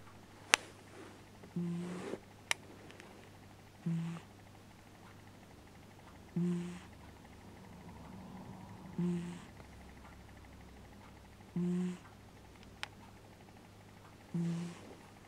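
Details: Sleeping cat snoring loudly in regular short rattling bursts, about 23 breaths per minute, in a quiet room.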